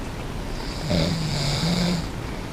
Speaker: So I'm just laying here doing this. And snore up some.